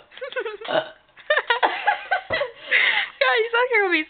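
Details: Girl deliberately burping: run of loud, drawn-out voiced belches with croaky, speech-like rise and fall, amid laughter.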